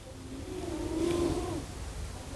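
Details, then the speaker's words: Snoring from a little Jack Russell terrier dog: snoring. "We're looking at energy, and if you can hear snoring, it's the little Jack Russell, who's now spending the week with us."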